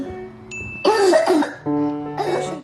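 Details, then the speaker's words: Example of a child's cough in laryngitis: harsh, rough, barking coughs over background music. "какой бывает кашель включать звук И слушайте кашель при постназальном затеке [музыка] при ларингите [музыка]"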